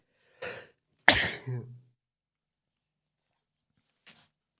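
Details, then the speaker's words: An adult man gives a quick inhaled catch, then a sharp explosive burst with a brief voiced tail and a faint short sound after a pause: a single sneeze while recording a podcast. "excuse me I I had a sneeze there"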